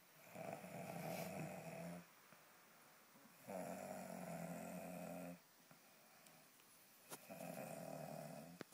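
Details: Boy snoring during sleep: rhythmic rough snores, about three in nine seconds, with quiet gaps between breaths.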